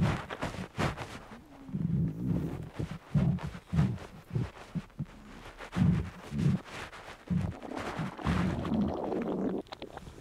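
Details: Male, hungry: low gurgling stomach rumbles in irregular bursts; borborygmi, ordinary hunger bowel sounds.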